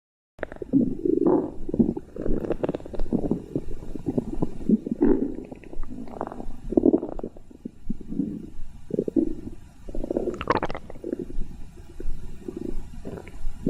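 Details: Stomach growling: long, continuous gurgling and rumbling with wavering pitch and a few higher squeaks.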